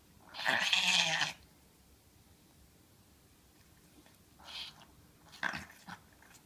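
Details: Chihuahua reverse sneezing, looked very distressed; a vet viewed the video and said no treatment or worry needed: loud, prolonged snorting inhalation followed by shorter snorts.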